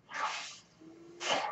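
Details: Two rushing air bursts separated by a brief faint steady hum: the breath cycle of the speaker's own mechanical ventilator.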